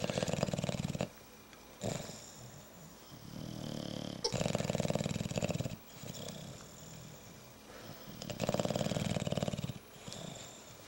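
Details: Bulldogs snoring: loud, rattling, fluttery snores in repeated bursts with softer snuffling breaths between, in a quiet room.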